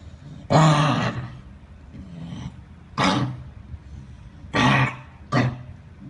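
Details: Dog at a veterinary clinic coughing: four harsh, honking coughs, each a short forceful burst, with fainter hacking between them.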